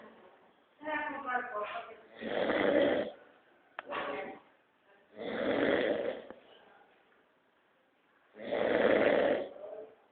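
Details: Snoring: loud rattling snores at irregular intervals, about four in ten seconds, with quieter snuffling breaths between them.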